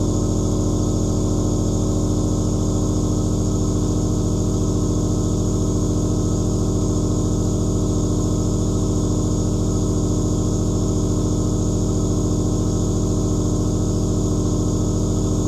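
Steady low motor drone with fast regular pulsing, about 214 per minute; a nebulizer compressor running continuously.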